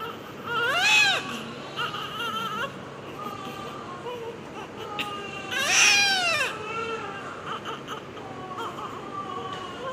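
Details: Newborn crying just after delivery: two loud, rising-falling wails with softer whimpering between them, over room noise.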